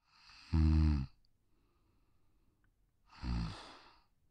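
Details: Pug (brachycephalic, short-muzzled breed with broad, short skull) sleeping on a deck: two soft, low, rattly breaths with a quiet gap between, a gentle snore; snoring.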